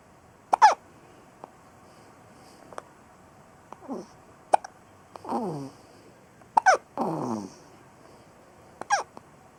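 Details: A young son with hiccups: repeated sharp, sudden hiccup catches, about five in ten seconds, with soft whimpering between them.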